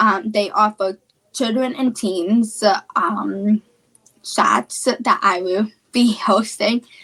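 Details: Female speaker with childhood apraxia of speech, a neurological speech disorder; childhood apraxia of speech.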